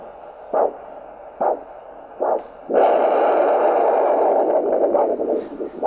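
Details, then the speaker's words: Handheld Doppler transducer at the ankle during ankle-brachial pressure index measurement with a blood pressure cuff; three pulsed arterial whooshes, then a loud continuous roar of venous return as the foot is squeezed: normal venous return Doppler signal. "that you just heard that was venous return I'll actually demonstrate that this is the arterial signal you can hear that I'm going to squeeze the foot and you'll hear the venous return moving past that Doppler transducer"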